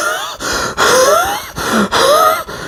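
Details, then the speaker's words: Imitated asthma breathing: several strained, laboured breaths with high whistling, gliding wheezy tones, the noisy breathing typical of asthma. "जो दमे के मरीज होते हैं उनमें सांस की बहुत दिक्कत होती है बल्कि उनके सांस में से आवाजें आ रही होती हैं उनको सांस लेने में व पैदा होती है जिसमें आवाज पैदा करते हैं"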